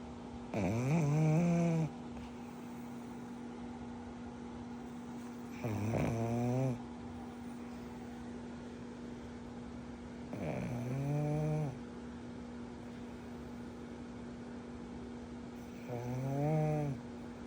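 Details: Pug puppy snoring: whistling, rising snores about every five seconds, roughly 12 breaths a minute, over a steady electrical hum.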